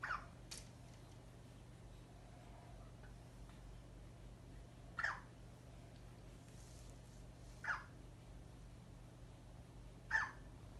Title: 6 weeks baby hiccup sound #shorts